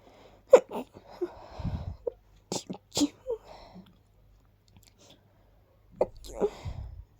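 Several quick, soft sneezes in short bursts with quiet breaths between them in a small room; a run of rapid little sneezes.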